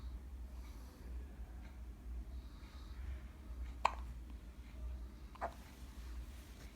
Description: 10 day old twin baby boys have synchronised hiccups, sounds like tennis!